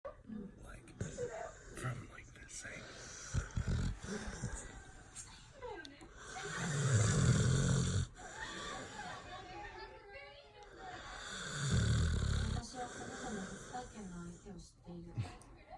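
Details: Pit bull dog that loves to sleep and always snores: deep, loud, rumbling snores about five seconds apart, with television-like talk in the background; snoring.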